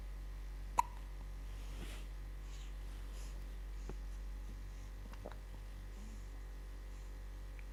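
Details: 13-day-old infant: one sharp, abrupt hiccup click in a quiet room with steady low hum, followed by a couple of much fainter ones; infant hiccups.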